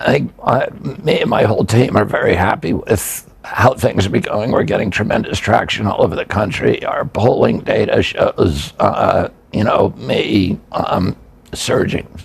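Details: Adult man with spasmodic dysphonia (spasmodic dystonia), a neurological disorder that began after an injury in 1996 at age 42. His vocal cords tighten constantly, not from tissue injury. Surgery in Kyoto about eight months earlier made his voice more reliable.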